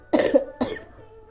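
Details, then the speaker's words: Adult woman with a cough bringing up phlegm, a headache and a slight runny nose coughs twice; loose, wet-sounding productive cough. "So, inuubo din pala ako. Plema. Masakit ang ulo."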